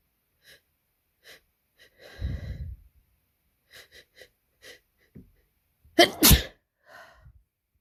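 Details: Sneezing with pre-sneeze breath hitching during a cold, tickly nose: repeated quick catching inhalations as a sneeze builds and stalls, then a double sneeze near the end; stuck cold sneezes.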